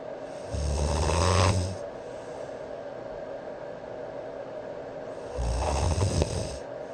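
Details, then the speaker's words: Adult man's habitual snoring, recorded by a sleep app before treatment, snoring all night; two loud, low rumbling snores about four to five seconds apart over steady white-noise machine hum. "基本上整个晚上都在打呼啊。"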